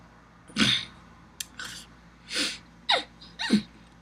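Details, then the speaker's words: A person with Tourette syndrome makes five or six abrupt, brief wordless noises, such as sharp pops, breathy bursts and squeaky yelps: simple vocal tics. "They're categorized in two separate areas. Motor tics, which is motion, and verbal tics, which speaks for itself, noises as like that."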